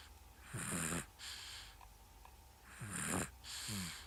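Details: Sleeping dog snoring: two rough, rattling snores with softer whistling breaths between them.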